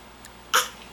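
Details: A single short, breathy, deliberately faked cough from a young girl lying on the floor, with a TV playing in the background.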